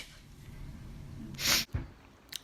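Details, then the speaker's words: A girl sneezes once: a sharp, hissing burst of breath through the nose and mouth, then a short snort. "that was violent 100 my god I can't stop sneezing I sneezed like seven times when I was in my downstairs"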